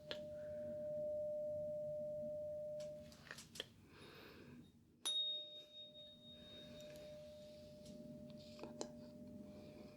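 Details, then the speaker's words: Simulated ASMR ear examination roleplay: steady pure ringing tone of a struck tuning fork, restruck once, placed on the mastoid bone behind the ear then in front of the ear; Rinne test positive, air conduction louder than bone, normal result. "So, >> [sighs and snorts] >> that is what we call a Rinne's positive. And what that means is that the bone conduction when I put the tuning fork right back here on the bone behind the ear."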